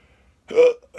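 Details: A single abrupt, throaty voiced hiccup followed by the start of another sound, from a person with very odd hiccups who thinks they ate too fast; hiccup.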